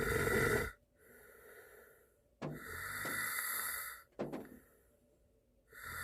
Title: Korean boyfriend snoring sound in the car. Snowfall. 눈 오는 날 차 안에서